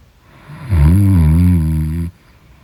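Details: One loud, low, buzzing snore on a breath in, lasting about a second and a half, during deep sleep; heavy snoring.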